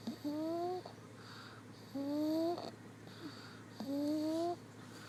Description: He sounds like a lil piggy